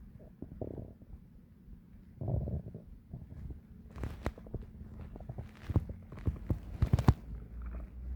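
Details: Bowel sounds (borborygmi).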